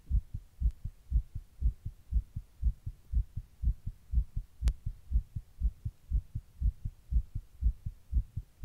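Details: Own heart recorded while sitting in 100 degree heat during a heatwave: steady, rapid, regular thumping at about 120 a minute; tachycardia.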